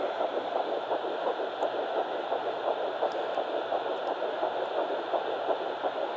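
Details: Rapid, regular whooshing pulses at about 170 a minute through steady static hum: fetal heartbeat of twin Baby A at 9 weeks 6 days on a fetal Doppler, found on the mother's left side after days of searching.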